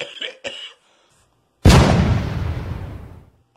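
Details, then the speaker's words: Staged cough in a comedy skit: two short, sharp acted coughs, then a loud booming burst that fades over about two seconds. "it was just a cough i swear i just got something"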